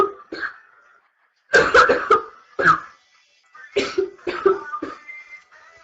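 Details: Female's repeated harsh, voiced coughs in several quick runs, about ten bursts in six seconds, during a livestream in the early stages of what became a severe chest cold.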